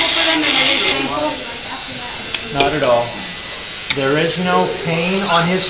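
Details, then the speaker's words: Motorized equine dental float on a horse's back teeth, near the end of the procedure: loud continuous buzzing, grinding motor with a man talking over it. It's just a vibration. "there's just a vibration and he'd rather be out munching and running"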